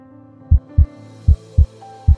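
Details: Normal heart sounds, paired low S1–S2 thumps picked up contactlessly by a vital-sign radar system (radar-stethoscope), over soft music.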